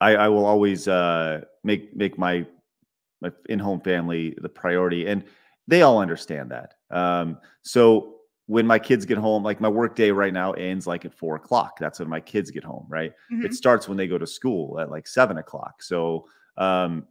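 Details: Adult man who stutters; stuttering.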